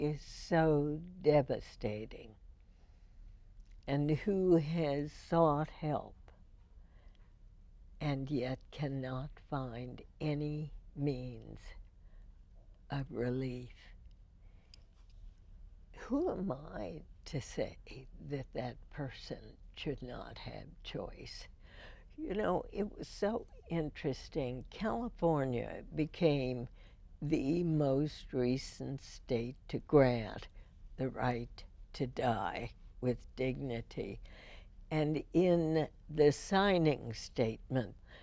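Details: Woman, a longtime radio host, with spasmodic dysphonia first diagnosed in 1998, treated every four months with botulinum toxin injections into the vocal cords; spasmodic dysphonia.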